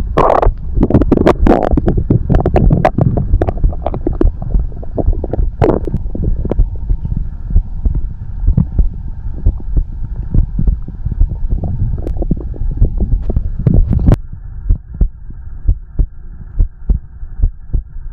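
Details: Loud, irregular low gurgling and rumbling with crackly pops; ordinary stomach growling (borborygmi), from a recording of heartbeat and stomach growling.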